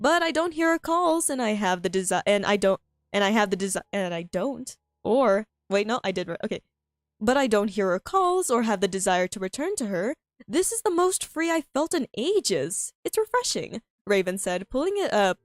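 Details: Self-reported frequent stuttering in a female streamer who finds reading difficult, reading her own story aloud; this stretch has repeated phrases and fillers.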